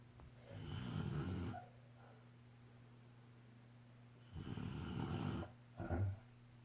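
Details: A father snoring during sleep, with devil-like groaning sounds; snoring.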